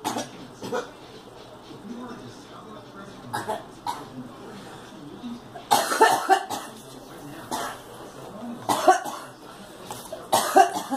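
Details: Girl coughing: several loud cough bursts in clusters with quieter breathing and voice between them.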